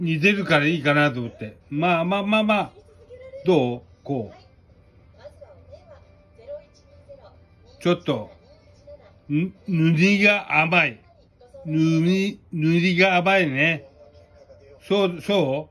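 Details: Japanese speaker with aphasia and hemiplegia/paralysis, indicated as following a cerebral hemorrhage.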